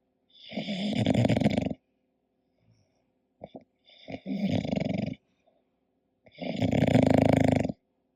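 Loud rattling snores with each breath in, three over about eight seconds, with quiet pauses between; snoring in a flat-faced dog.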